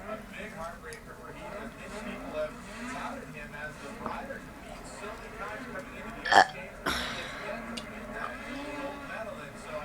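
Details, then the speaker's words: Brother burping voluntarily on request: low, rumbling belches mixed with talk and background chatter. "burping. Come on, do a good one."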